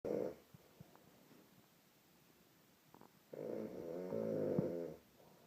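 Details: Two loud, rough, rumbling snoring sounds on breathing in, separated by a quiet pause, from a father asleep in a hotel room; heavy snoring.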